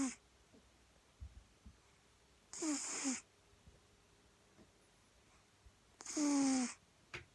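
Slow breathing with two whistling, snuffly noisy breaths several seconds apart, a light sleeping snore from a cat.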